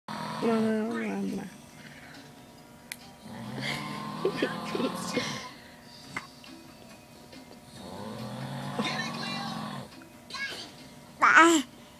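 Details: Loud, rough, rhythmic snores roughly every four to five seconds from a father sleeping in the background, with his baby girl squealing near the end; ordinary snoring.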